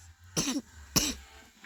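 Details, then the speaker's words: Coughing from the person recording, with a little sister possibly making random noises in the background. "I'm sorry I have a really bad call but"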